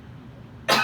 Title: Talking about what I call the TI cough